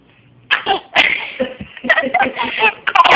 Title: Fake sneezing